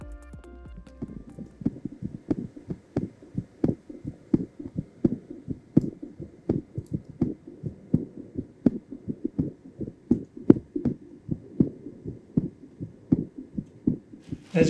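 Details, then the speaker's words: Normal heart sounds through a telehealth digital stethoscope placed on the chest, remotely controlled gain and filters: steady low thumping heartbeat about 80 per minute with faint hum. "so what we're going to do now is we're going to put this up here on the chest and turn on the preview and listen to the heart sounds"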